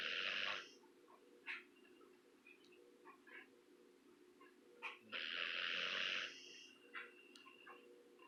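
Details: Two sleepers snoring together: long, hissy, rasping snores about five seconds apart with soft snuffles in between, in a quiet room; snoring.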